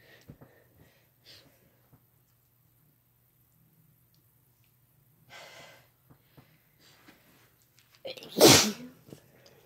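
Quiet breathing and small movements, then one loud explosive sneeze near the end: a single ordinary sneeze.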